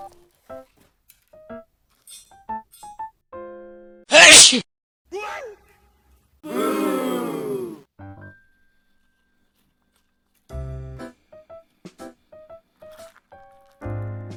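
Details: Owner sneezes suddenly while feeding their dog: one sharp, explosive sneeze followed by a drawn-out groaning sound, music in the background; a single sneeze, with the dog's reaction described as surprising.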